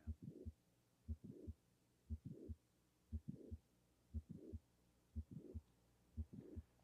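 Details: Patient with mitral valve prolapse, heard at the apex timed with the carotid pulse; regular heartbeat near 59 a minute, several midsystolic clicks introducing a high-frequency late systolic murmur crescendoing into S2; early systole silent.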